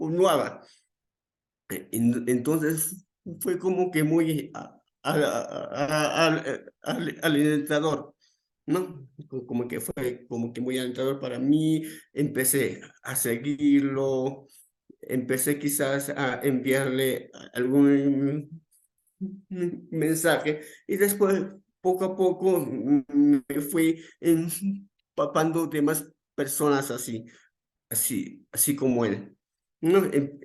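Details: Real adult male with stuttering that began around age 7 and became more noticeable around age 11, described by him as uncontrolled that day; repetitions in speech; finding: stuttering.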